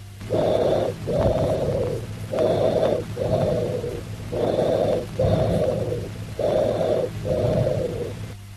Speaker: Tubular bronchial breath sounds.